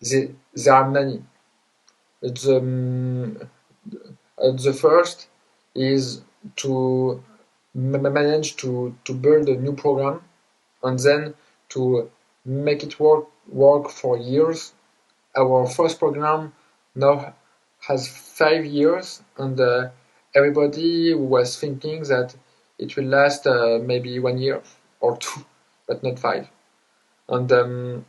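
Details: Adult man, a self-described person who stutters, with word repetitions: stuttering.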